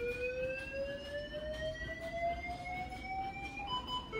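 Steady rising electronic tone from a defibrillator signalling it is charged and ready to deliver a shock.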